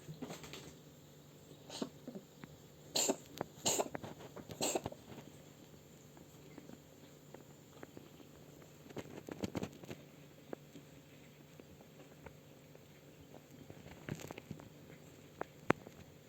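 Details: Oriental breed cat, where coughing and throat clearing are described as typical because of its long throat: scattered short, harsh hacking bursts with quiet gaps between them; cat coughing.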